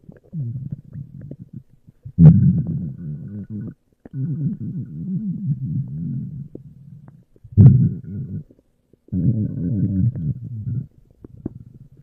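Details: Long, low gurgling rumbles in several bursts with quiet gaps: ordinary stomach growling (borborygmi).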